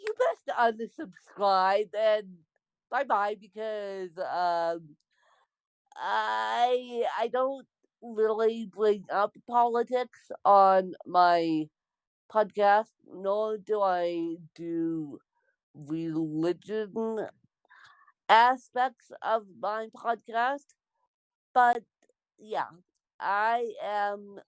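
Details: Dysarthric speech in an adult woman born with cerebral palsy (lifelong, congenital).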